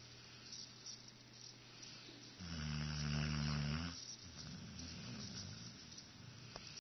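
One loud, buzzing snore lasting over a second, followed by a softer rattling breath out, over steady room hum: snoring.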